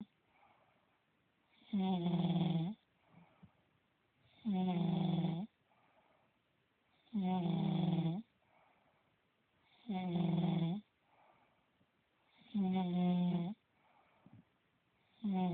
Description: This is a video of me snoring that my friend took. Not attractive at all. I sound like chubacka. lol